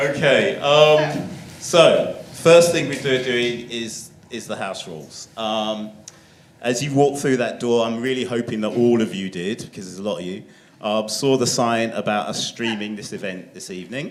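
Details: Adult male speaker addressing a group indoors; ordinary speech.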